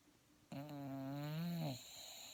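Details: Snoring in contented sleep: a single sustained, voiced, humming snore lasting about a second.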